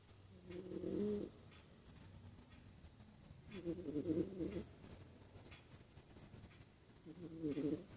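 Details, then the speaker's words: Sleeping pet cat snoring: three rhythmic, buzzing snores, each about a second long, roughly 18 per minute, with quiet breathing between; owner amused at how loudly it snores. "Tá roncando, dengo. Está roncando, mãe. Gente, que isso?"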